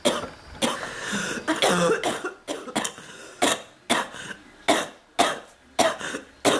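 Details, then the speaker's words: About a dozen harsh coughs in under seven seconds; an adult woman's frequent, persistent cough, not improving, compared with earlier bronchitis, with chest discomfort. "I was better off having bronchitis. I wish I didn't have to have a cough right now."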